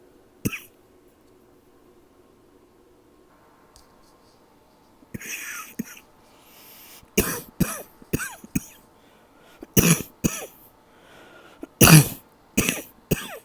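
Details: Nighttime cough in an adult trying to keep as quiet as possible: muffled, suppressed coughs and throat clearing, about ten bursts in quick clusters, nocturnal cough.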